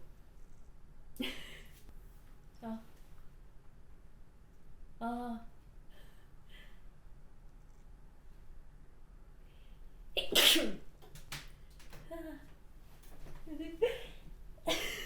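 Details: A woman, nervous and saying tears come first, makes soft breathy sounds and short vocal catches that build up to a sudden, forceful sneeze burst.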